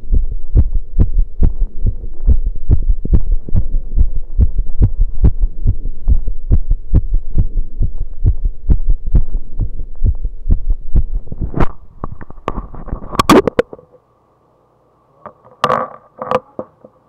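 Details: Heartbeat recorded after running: fast, steady low thumps at about 140 a minute, then handling noise, rapid heartbeat after exercise.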